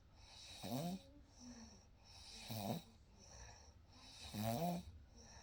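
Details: Real night recording: soft, regular snores with a quieter out-breath between, about 30 breaths a minute; ordinary gentle snoring during sleep.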